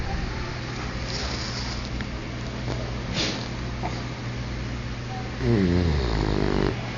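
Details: Max, an English bulldog, snoring.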